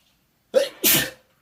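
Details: Person allergic to their cat, eyes watering, with the cat nearby. A single sharp sneeze with a quick indrawn breath before it; allergic sneezing.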